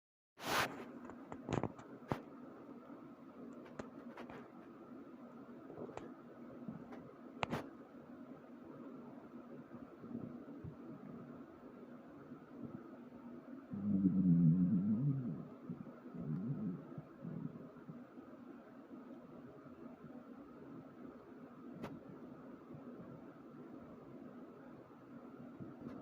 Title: My Stomach Growling